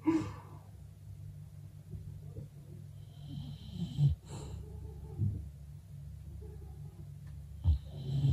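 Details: Female English bulldog snoring while resting still, with household sounds of children playing in the background.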